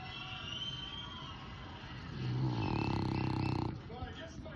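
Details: Sleeping French bulldog snoring: a loud, rattling, low snore swells and fades over about two seconds, with softer breathing before and after.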